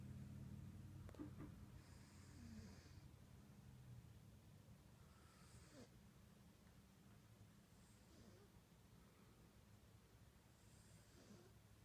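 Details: Quiet, soft snoring with a faint whistly, hissing edge, roughly every three seconds over a low steady hum; the snoring started only a few years ago.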